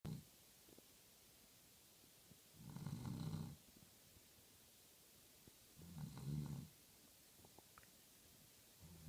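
Two slow, rumbling snores about three seconds apart, each a low rattling breath during sleep.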